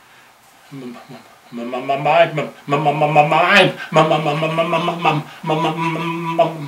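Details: 67-year-old man demonstrating how he used to stutter on his own name when younger, possibly exaggerated; stuttering with sound repetitions, imitated.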